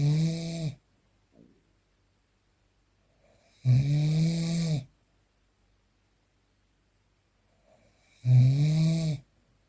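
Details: Loud, low, rattling snores on breathing in, three in ten seconds (about 18 a minute), with quiet pauses, unprocessed real recording; snoring during sleep.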